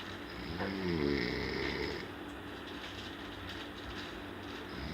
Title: funny snore|| Dubai ||